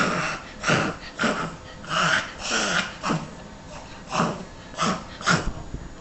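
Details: Maltese small-breed dog reverse sneezing: rapid, repeated harsh snorting inhalations in a run, typical of reverse sneezing in small breeds.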